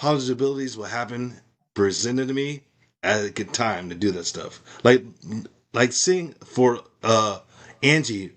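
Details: Adult male with aphasia after a stroke, practising speech as part of his recovery. Finding: aphasia.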